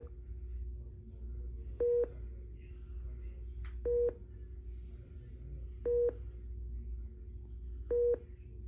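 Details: Steady electronic beeps about every two seconds, roughly 30 a minute, over a low hum: a hospital patient monitor beeping.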